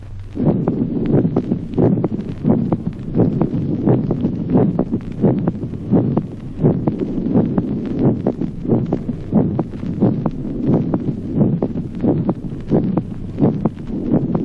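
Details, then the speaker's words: Physiological third heart sound in a young person: regular heartbeat near 88 a minute with a soft extra low sound early in each diastolic pause. "Ejemplo 19. Tercer ruido cardíaco audible como hallazgo fisiológico en la edad juvenil."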